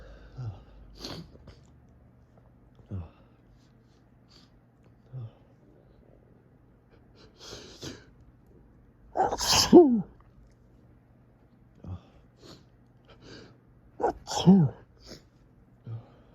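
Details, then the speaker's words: Morning sneezing fit from fall allergies while in bed: a run of rapid, forceful sneezes caught in tissues, with quiet breaths and sniffs between them, building to louder bursts, each one triggering the next; allergic rhinitis. "It's like each one just triggers the next. It's building. It's building up."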